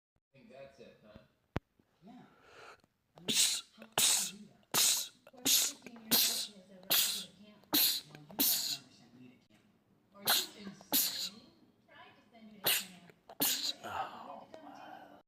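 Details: Male sneezer, part of a compilation of rapid sneezing attacks: a rapid train of about fourteen sharp sneezes with short catches of breath between them, a prolonged sneezing attack.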